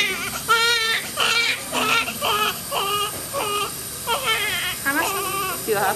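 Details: Newborn baby boy in hospital immediately after delivery: repeated loud, high-pitched crying bursts, the first cry, with soft adult talk in the room; newborn cry.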